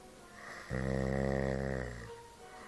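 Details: Snoring: one strong, vibrating snore lasting over a second in an otherwise quiet room.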